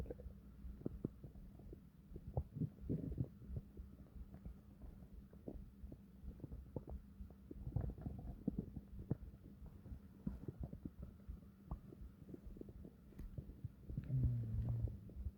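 Low, rumbling gurgles with irregular pops and a few longer deep growls; ordinary bowel sounds of a growling stomach.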